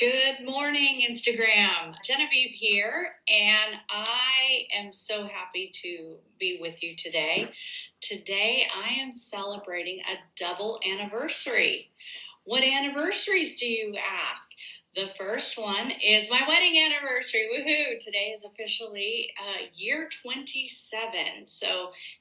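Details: Adult woman speaking; typical speech.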